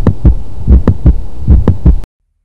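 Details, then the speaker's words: Simulated heart sounds: brief, sharp, high-pitched click in mid-systole between S1 and S2 each beat, as occurs in aortic/pulmonary stenosis or floppy mitral valve; mid-systolic click. "other sounds include systolic clicks in early or mid systoli which is brief high intensity sound that occurs in aortic and pulmonary stenosis floppy natural valve"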